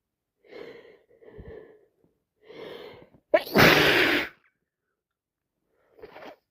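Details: Several sharp indrawn breaths build to one loud explosive sneeze with a short breath after, in repeated sneezing fits from someone sniffing, blowing and sneezing all night who expects a bed day tomorrow.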